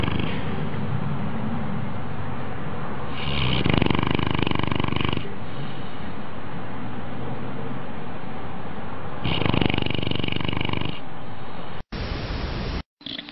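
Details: Sleeping dog: loud, rough, noisy breathing with a couple of stronger rattling snore bursts over steady background noise; snoring.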